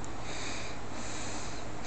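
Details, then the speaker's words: Young woman with allergic asthma and allergy-related sinusitis breathing through nasal filters she finds hard to breathe through: a snuffly, effortful nasal breath with airflow noise from restricted nasal passages. "to breathe and that's how you go to breathe like you know it helps you with asthma but it makes you feel like you're about to get an asthma attack because it's so hard to breathe through"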